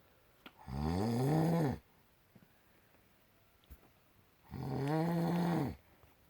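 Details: Adult man (husband) snoring loudly during sleep, keeping his wife awake: two loud, long, rumbling snores about a second each, several seconds apart, in a quiet room.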